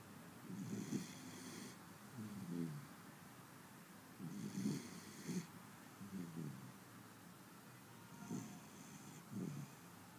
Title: Beagle 6 months old snoring